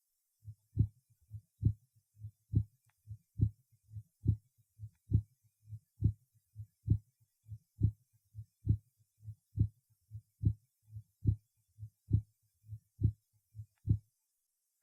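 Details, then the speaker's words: Third auscultation point (pulmonary artery) in patient with mitral valve disease and pulmonary circulation congestion: regular heartbeat near 70/min, loud sharp second sound; accentuated pulmonary second sound, aortic sounds first for comparison. "прослушайте запись тонов сердца сделанную в третьей точке аускультации у пациента с митральным пороком сердца имеющего признаки застоя крови в малом круге кровообращения акцент второго тона выявляется над легочной артерией"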